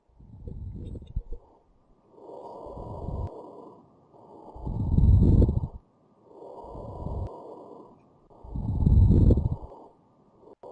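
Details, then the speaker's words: Stethoscope chest auscultation teaching example of coarse crackles (ronki basah kasar): rough, loud breath sounds with added coarse popping, crackling sounds, described as a marker of fluid in the lungs; coarse crackles. "Jadi kalau akan dengarkan itu tadi ada punya nafas particular pokoknya dan Adabi nafas tambahan berupa crackers jadinya seperti kode sucikan seperti bergemeretak seperti ada satu yang diremas secara kasar ya"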